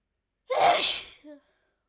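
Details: A single sharp, explosive sneeze with a brief catch of breath afterward; sneezing, coughs occurring later in the recording.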